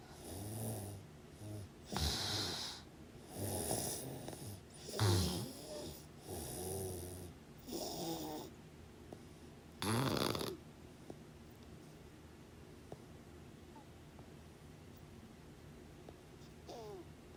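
Loud, rough snores in the first half, about 20 per minute, then quiet breathing with occasional faint snorts.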